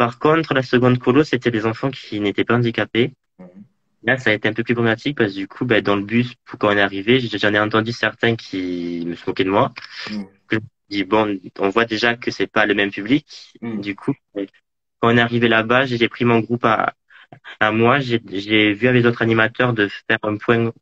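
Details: Adult male speaker; stuttering.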